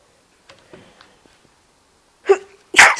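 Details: Person sneezing: soft sniffing breaths, then two sharp explosive sneezes in quick succession.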